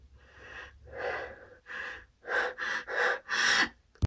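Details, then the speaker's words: Pre-sneeze gasping: a run of seven breathy gasps that grow louder and faster as the person says they are about to sneeze again. "Phew. I'm gonna sneeze. Phew. I'm gonna sneeze again."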